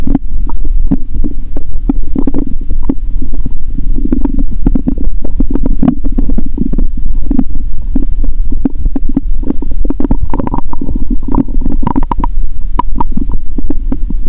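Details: Stomach sounds through a stethoscope after eating Mentos and drinking cola: frequent low gurgling and bubbling rumbles with brief pops, continuous and loud active bowel sounds (borborygmi) from gas.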